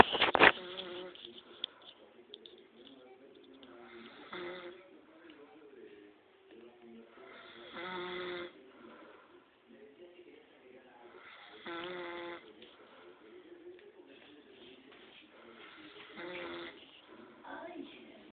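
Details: Repeated rough, buzzing snores during sleep, each about a second, with quieter breathing between; snoring.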